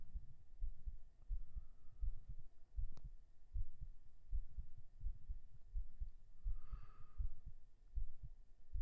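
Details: Heartbeat recorded binaurally right after 37 push-ups: dull, quick thumps at about 80 a minute under steady hiss and rumble, with a brief breath or voice sound midway; a post-exercise heartbeat.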